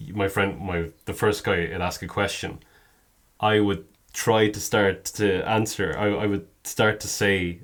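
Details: Adult man who stammers; stuttering.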